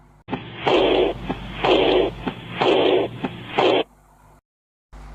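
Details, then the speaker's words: Stethoscope auscultation in aortic insufficiency: heart sounds at about 62/min, each followed by a long blowing diastolic-type murmur typical of aortic regurgitation. "यदि patient Arctic insufficiency से सफ़र कर रहा है तो स्टेथोस्कोप से इस प्रकार का साउंड सुनाई पड़ेगा।"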